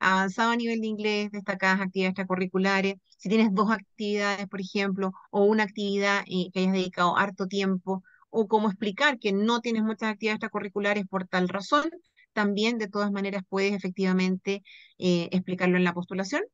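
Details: Adult woman speaking Spanish; Normal speech.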